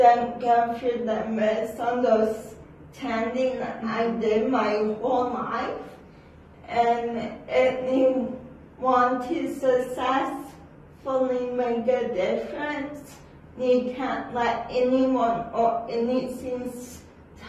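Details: Adult woman with cerebral palsy who takes medicine for shaking and says not everyone in public can understand her speech; dysarthria (cerebral palsy).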